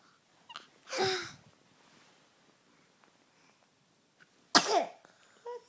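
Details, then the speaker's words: Two sharp, explosive sneezes a few seconds apart; the speaker hopes they aren't getting sick and blames the change of season. "What a cer sneeze bl you Buddy I hope we're not Getting sick"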